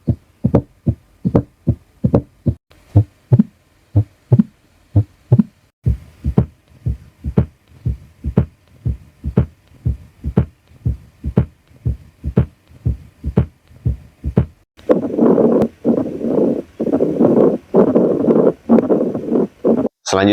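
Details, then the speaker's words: Regular heartbeat near 60 a minute with an extra heart sound beyond S1 and S2, then a noisier stretch; cardiovascular physical examination teaching on pathological signs, identifying added sounds such as S3 or S4. "Selanjutnya kita identifikasi bunyi tambahan. Apakah terdengar bunyi jantung tig? Bunyi jantung 4."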